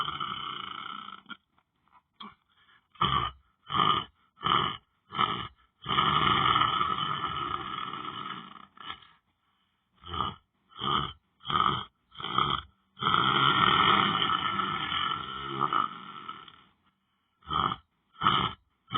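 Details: A person lying down on the floor asleep makes rough, rattling snore noises, some long and drawn out, others short bursts in quick succession, with brief silent gaps; snoring.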